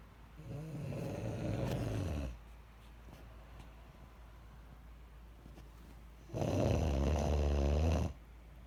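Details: Self-recorded snoring, labeled "30 weeks"; two deep, buzzing snores on in-breaths about six seconds apart, quiet between; typical snoring.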